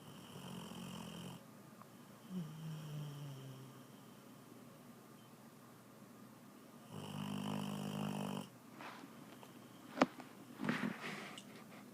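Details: Female dog snoring loudly, owner jokingly suspects sleep apnea: low, rumbling breaths with a nasal buzz repeating every few seconds, plus a few clicks and rustles.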